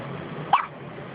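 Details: Newborn boy with hiccups in the NICU shortly after birth: a single abrupt, sharp catch of breath over room noise.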